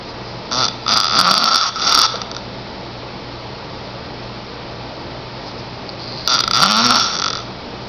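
Loud, rough, rattling snores during breathing in, two bursts a few seconds apart over steady room hiss: snoring.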